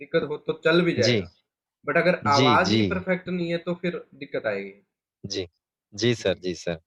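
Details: Adult man speaking Hindi (speech therapist); ordinary adult speech.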